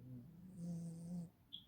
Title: perrito roncando.